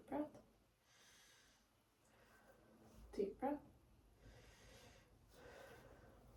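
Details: Normal vesicular breath sounds on lung auscultation while the patient takes repeated deep breaths: soft, even breaths with a brief voice in the background, no crackles or wheeze; all lung fields clear.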